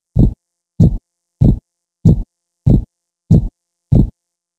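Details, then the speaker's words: Normal heart sounds: a steady low lub-dub heartbeat at about 97 beats a minute, S1 (AV valve closure, louder, longer) and S2 (semilunar valve closure, higher, sharper), with no added sounds. "s2 is produced by the closure of a zel valves and marks the start of ventricular relaxation the sounds together form the heartbeat and sound like loved up"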